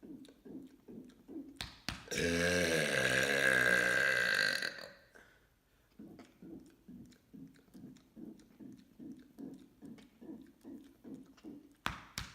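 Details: Voluntary "mega burp" from a deliberate burping series: one long, loud, drawn-out belch of about two and a half seconds, with rhythmic tapping in the background.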